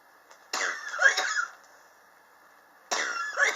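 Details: Two harsh, dry cough bursts separated by a quiet pause; prolonged cough since summer 2016, still present in 2019, not helped by medicine or home remedies, which the person blames on extreme indoor temperature changes.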